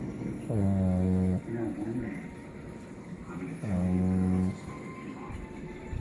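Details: Ordinary snoring during a lazy-day snooze: two long, low, buzzing snores on inhalation a few seconds apart, with quiet breathing between.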